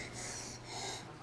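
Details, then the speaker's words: Infant girl with croup and breathing difficulty, seen at night and admitted: harsh, high-pitched inspiratory stridor from a virally swollen, tight upper airway; loud, piercing cough; later reduced air entry as she deteriorated. "And what you're hearing is, with that stridor, is that the airway's tight. That's dangerous."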